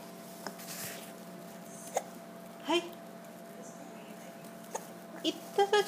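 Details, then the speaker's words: Baby boy who gets hiccups every time he smiles, hiccuping soon after laughing: several short, sharp voiced hiccups at irregular intervals, some followed by soft infant sounds, over room hum. "सच हंसाना रे, इतनी जल्दी हिचकी आ गई. टिश्यू. इतना भी नहीं है, इतना ऐसा हिचकी."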